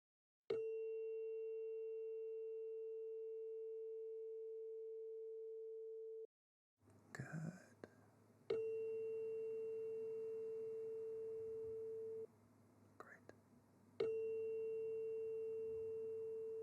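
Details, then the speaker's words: Simulated ASMR role-play hearing test, ear by ear, where the listener says start and stop: three struck tuning-fork tones, each a clear steady pure note slowly fading, with faint handling rustle between. "All you need to do is to tell me when you start hearing the tuning fork and when you can no longer hear the tuning fork."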